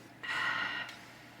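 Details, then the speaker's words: Adult husband snoring in the background while asleep on the bed: one hissing, faintly whistling breath over quiet room noise; snoring. "If you hear that snoring in the background, that is my husband. He fell asleep on the bed. I have woken him up three times because he snores."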